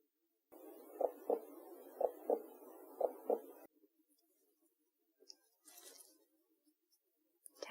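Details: Normal heart sounds heard by stethoscope in a simulated ASMR health check-up roleplay, with breathing and breath-hold instructions: steady paired lub-dub beats at about 60 per minute over soft hiss.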